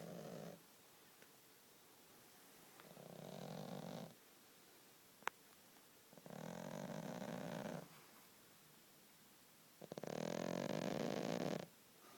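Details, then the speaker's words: Sleeping female pet cat that regularly snores heavily: soft, fluttering snores on slow breaths in, about four in 12 seconds, in a quiet room; cat snoring. "This is my pussycat snoring."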